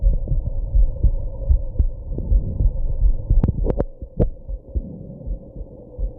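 Dull heartbeat thumps at roughly 80 a minute, interrupted by a few sharp hiccup clicks midway.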